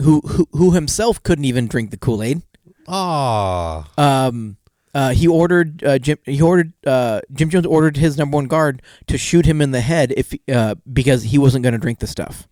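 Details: Adult male podcast co-host who has a stutter that he says comes out more in awkward situations; stuttering.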